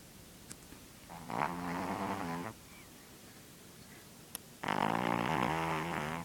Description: Lulu sawing some serious wood!! Shes down with a cold and an ear infection, but on the mend :) Her snore is sooo cute lol!